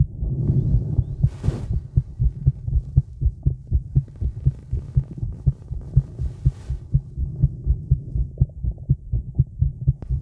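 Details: Woman's heartbeat recorded outdoors in the woods after smoking, while a bit nervous: regular, quick thumps at roughly 120 a minute, low rumbling background, brief stomach gurgles; heartbeat.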